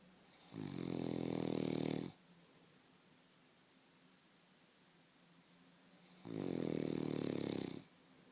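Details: Husband's heavy snoring that wakes his wife: two long, loud, rattling inspiratory snores about five seconds apart, with quiet breathing between.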